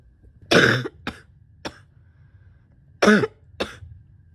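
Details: Wet cough in adult with asthma, spring allergies and chronic bronchitis during a likely respiratory illness: two loud harsh coughs, each followed by smaller coughs, wet and congested, chesty and productive.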